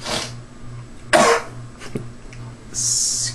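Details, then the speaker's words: Simulated, not real: a child actor without Tourette syndrome gives short cough and throat-clearing bursts imitating the simple vocal tics of Tourette syndrome: vocal tic (throat clearing/cough). "touret is also characterized by one or more vocal ticks in order for diagnosis to be made including the following grunting or moaning sounds barks tongue clicking sniffs hooting woo throat clearing snorts or"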